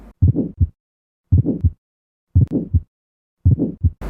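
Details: Aortic stenosis murmur recording for OSCE teaching: slow, regular heartbeat with a harsh murmur filling the gap between the first and second heart sounds; timing of the murmur and additional sounds are explained.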